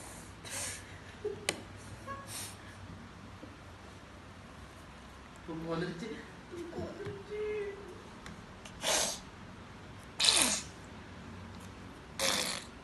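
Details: A child sneezes several times in short, sharp bursts, with some brief voicing between them.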